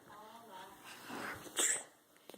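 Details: A young child gives a single sharp, explosive sneeze after soft breathing noises in a quiet room; sneezing.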